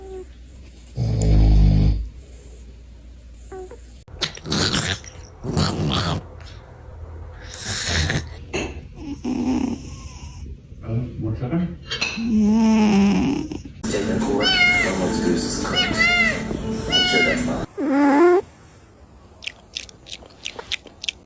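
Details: Loud, rattling, fluttering snoring breaths from a sleeping cat, likened to a human snoring, with some clicks and room noise; snoring.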